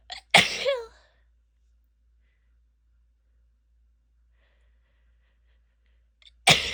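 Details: A female from a compilation of sneezes, stifles and nose blows: a sharp explosive sneeze, several seconds of silence, then the start of another burst; sneezing.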